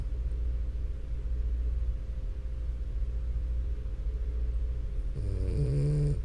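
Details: Sleeping French Bulldog: steady low rumbling snore with a louder snorting, rattling breath near the end; snoring.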